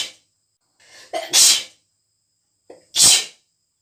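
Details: An Indian girl sneezing: two strong, wet, rapid sneezes in quick succession, each preceded by a brief sharp intake of breath.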